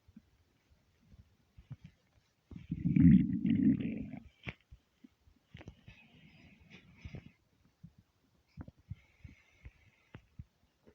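A low gurgling rumble of a second or two, then scattered soft gurgles and pops; ordinary stomach rumbling from an empty stomach.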